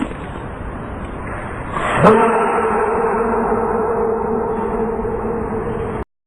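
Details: Baby panda's sneeze: a sudden sharp burst out of a faint, quiet background, followed by a steady humming tone.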